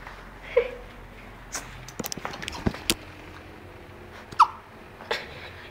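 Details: Hiccups from a tiny puppy.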